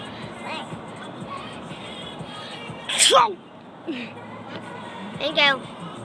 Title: Sneeze interrupts lip syncing